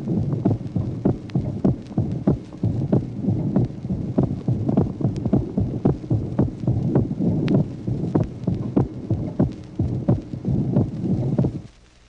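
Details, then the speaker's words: 1966 teaching auscultation record, tracing 2: regular heart sounds with a narrow physiological splitting of the second heart sound that varies with respiration, the pulmonary valve closing well after the aortic valve on inspiration. "Le deuxième tracé nous montre un dédoublement serré, physiologique du deuxième bruit, variable avec la respiration. On peut noter en effet que la valve pulmonaire se ferme bien après la valve aortique en inspiration."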